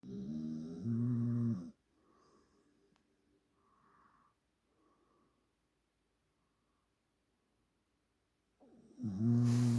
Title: PIT Bull Snores